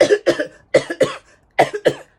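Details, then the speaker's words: Six short, sharp deliberate coughs in three pairs from an adult preschool teacher, imitated to demonstrate coughing into the "cough pocket"; a voluntary cough. "When you cough, you need to use your cough pocket like this. See this? That's a cough pocket."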